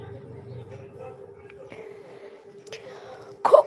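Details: A single short, forceful cough after quiet background hum and faint room noise, from a woman who says she is unwell and her throat is hoarse, hard to speak.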